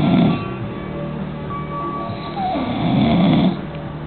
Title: Snoring